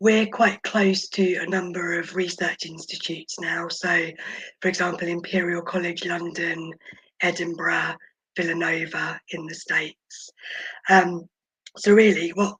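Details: Adult woman born at 26 weeks weighing 430 g, who spent about 5 months in the NICU, mostly on a ventilator and oxygen, with vocal cord paralysis attributed to the ventilation: vocal cord paralysis.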